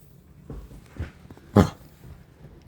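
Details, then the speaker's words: Dog Luna with cough, owner suspects kennel cough possibly caught at daycare: a few short, low coughing efforts, one sharp and loud, in a quiet room. Vet later found the trachea unremarkable. "สวัสดีค่ะวันนี้พามาดูน้องหมาที่บ้านที่สงสัยว่าเป็น Kennel Cough น่าจะติดมาจาก Daycare"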